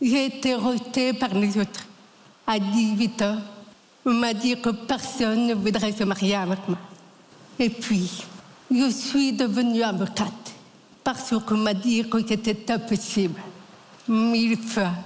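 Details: Adult French-speaking woman, a lawyer, deaf since diagnosis at nine months, who learned to talk after 20 years of speech therapy three times weekly and has never heard her own voice; deaf speech.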